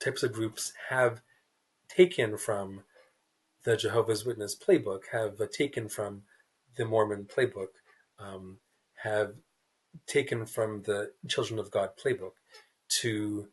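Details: Adult man who stutters, a writer, in a real interview; repeated words and blocks are audible; stuttering.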